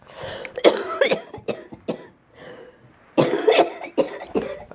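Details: An adult woman with cystic fibrosis gives two bouts of harsh, loose, productive coughs from thick airway mucus, with crackly breathing, even after an hour of vest chest physiotherapy; she says she is not breathing well.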